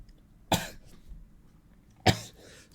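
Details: Two short, sharp explosive bursts about 1.5 seconds apart, each fading quickly; two single coughs from a male live-streamer said to have allergies, who was sneezing repeatedly around this point.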